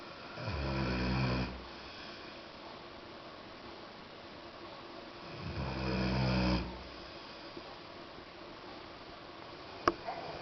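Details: Snoring during sleep: two long, low, vibrating snores about five seconds apart, near 12 breaths a minute, with quiet exhalations between.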